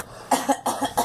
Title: Girl coughing